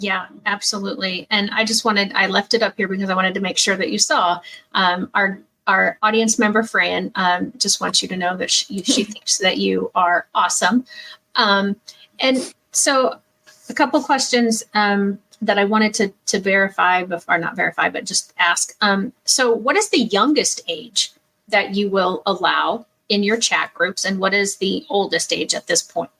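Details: Adult woman speaking; typical speech.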